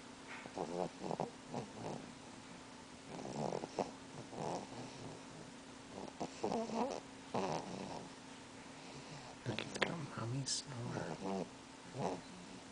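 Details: Baby snoring while napping beside mother: repeated short, snorting, fluttering breaths at about 20 per minute, irregular; snoring in sleep.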